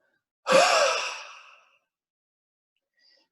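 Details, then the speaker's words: One strong, breathy, open-mouthed exhalation held longer and fading over about a second, then silence; demonstrated by a respiratory physiotherapist to agitate the airways more and possibly provoke coughing: hard huff (forced expiration technique). "ull harder Huff's now these are just going to be held for longer and it will agitate the Airways a little bit more so you may find that you coffee little bit more on that"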